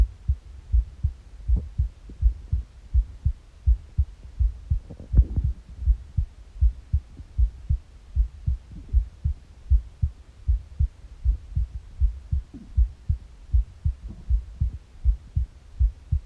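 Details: Morning heartbeat on an empty stomach: regular low heart thumps at about 79 a minute, with a few soft gurgling bowel noises in between.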